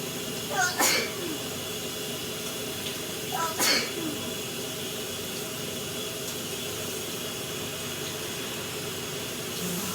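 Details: Two sneezes a few seconds apart, recorded in the shower over the steady hiss of running water.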